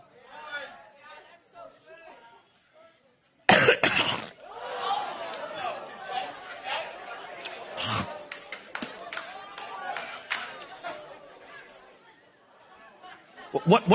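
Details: A pastor, speaking in front of a congregation, gives a sudden, forceful, deliberate cough to make a point, followed by loud crowd reaction and chatter.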